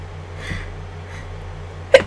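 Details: One strong induced sneeze: a faint indrawn breath, then a single sharp, forceful burst over low room hum.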